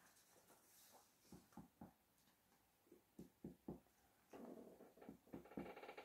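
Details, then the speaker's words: Percussion of the posterior chest of a 50-year-old man, starting at the suprascapular region, using a finger on the middle phalanx: soft hollow taps in pairs and runs, giving a normal resonant note. "la técnica de la percusión se lo hace primero en este plano se lo realiza con la falange media nuestra de nuestra mano y con la otra mano golpeamos suavemente"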